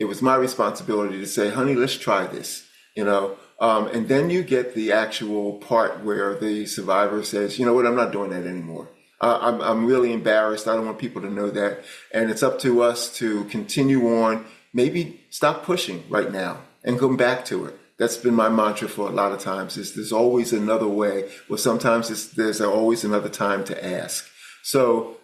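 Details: Adult man speaking; normal speech.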